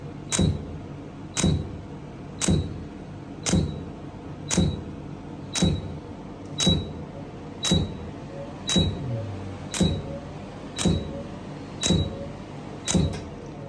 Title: Laser hair Removal Treatment